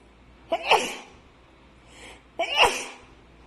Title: Loud,Wide Nose Allergy Sneezes Philippines.